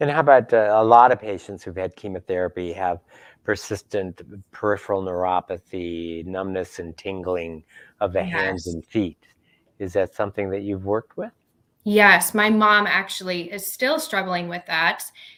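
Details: Adult male speaker, with a second speaker answering; no voice disorder.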